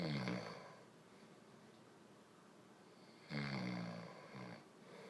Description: He doesn't think he snores as much as he does. Well, he does.